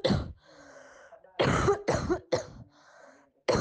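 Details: Five short, moderately forceful coughs in a quiet room from an asymptomatic COVID-19-positive person; COVID-19 cough, asymptomatic.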